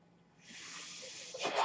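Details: Speaker's own mechanical ventilator, heard during his podcast talk: after a brief quiet, a soft airy hiss swells louder toward the end as the ventilator pushes air during a breath.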